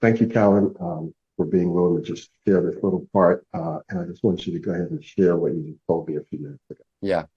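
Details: Adult male speaker; typical speech.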